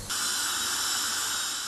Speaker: now if the sound of a dentist's drill fills you with dread you're not alone but help could be at hand a new device which cancels out the high-pitched whine of the dentist drill